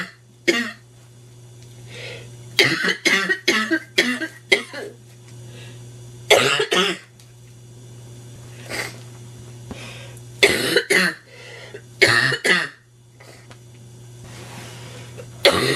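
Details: Sick, stuffy adult woman with a nasty cold coughing constantly: repeated harsh, barking coughs in clusters, about a dozen bursts, barking cough.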